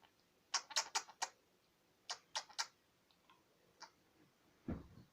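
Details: Budgerigar coughing, under treatment for several months with only temporary improvement: sharp, high, clicking bursts in two quick runs of three to four coughs.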